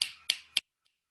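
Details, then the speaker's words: Three quick finger snaps imitate the rapid, galloping rhythm of a fetal heartbeat (110–160 beats per minute), as heard with a Pinard stethoscope on a pregnant woman's abdomen and distinct from the maternal pulse. "Es muy difícil contar 110, 160 latidos por minuto, así que lo que se escucha es el ritmo,"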